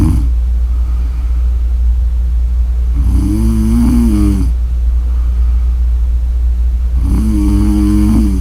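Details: Ordinary snoring: two loud, rattling snores on breathing in, about four seconds apart, over a steady low room hum.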